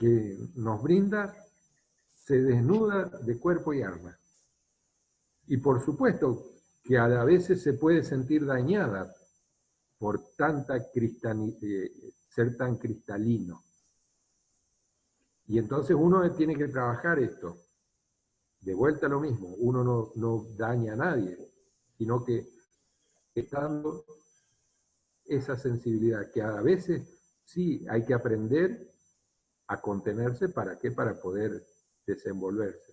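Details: Adult male speaker (Spanish); ordinary speech.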